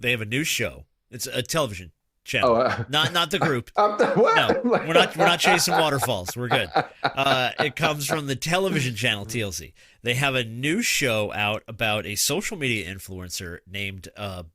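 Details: Adult male speaker; ordinary speech.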